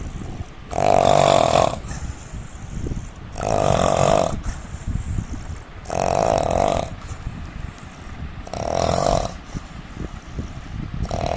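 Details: Indian man snoring with loud, rough snores in regular bursts, about 22 breaths a minute, quieter breathing between them.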